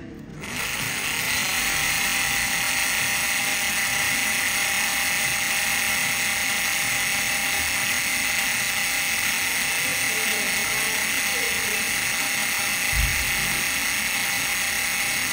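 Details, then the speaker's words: Open reduction and internal fixation of the fourth metacarpal fracture in a 30-year-old musician. Steady high-pitched whirring of a powered surgical drill (1.1 drill, 1.5 counter) drilling bone for lag screws. "This is 1.1 drill. It's moving. I'm going to drill with I'm going to drill with the 1.5 in the counter piece."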